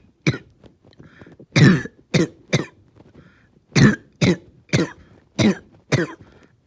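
Repeated harsh coughs, about ten in under seven seconds, some with a rough throat-clearing quality: a sustained coughing fit.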